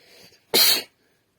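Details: Single sharp sneeze into the hand (F), with a faint intake of breath before it and one hissing burst.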